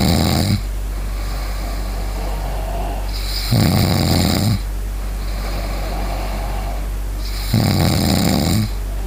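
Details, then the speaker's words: A father and his young child both snoring while asleep, the father right after eating: loud, rough snores about every four seconds over steady low room hum; snoring during sleep. "ini bapak sama anak sama-sama ngorok. Yuk, nih coba dengerin ya suara mereka ya."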